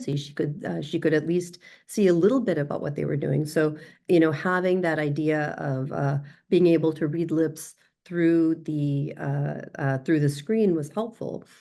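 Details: Adult speaker; normal speech.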